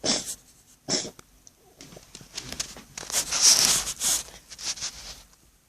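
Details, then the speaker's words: Cat with a vet-diagnosed enlarged heart that lies against the sternum on x-ray; a run of harsh, wet, hissy cough bursts leaving wet drops, a cough due to cardiomegaly. "so apparently the condition of enlarged hearts in which is what that cough is from it's it's pushing on instead of you know sitting slightly upright in his chest it's laying his heart is laying against his sternum"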